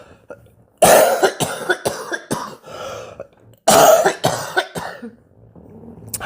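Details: An adult speaker mid-monologue gives two harsh coughing bouts, each trailing into shorter throat-clearing bursts, then apologizes: cough with throat clearing.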